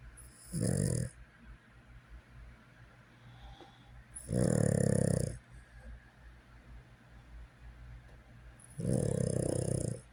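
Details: Soft snoring: three gentle, rumbling snores about every four seconds, roughly 15 breaths a minute, over a low steady hum.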